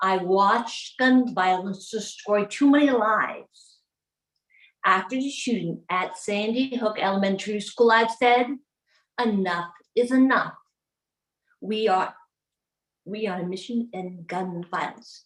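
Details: Adult woman with aphasia after being shot in the head in January 2011, about 12 years into recovery, speaking in short telegraphic phrases; non-fluent aphasia.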